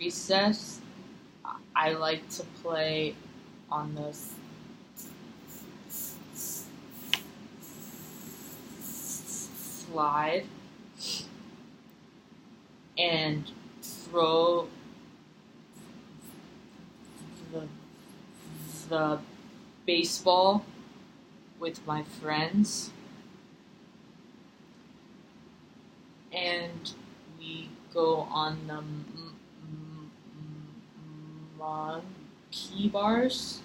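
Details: Acted stuttering: a role-player plays a six-year-old client in a therapy session, stuttering mostly at sentence beginnings with eye closing, facial tension and chin tucking; the clinician prompts noticing the stutter.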